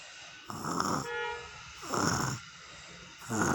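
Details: Sleeping child snoring: regular rough snoring breaths at about 40 a minute, some with a whistling tone; snoring.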